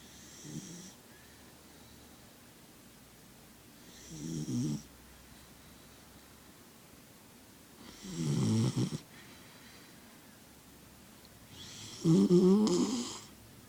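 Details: Sleeping puppy, a habitual snorer, snoring loudly: rattling snores on each in-breath, about four a minute, with quiet pauses between.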